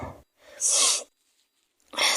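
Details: Acted sneeze by a woman in a skit where she plays someone with a fever: a quick indrawn breath, a loud hissing sneeze, then the start of another.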